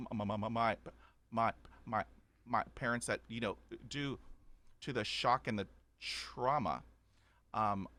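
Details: Adult man who has stuttered since childhood, about 80% fluent after 20 years of speech therapy, still showing blocks and repetitions: stuttering.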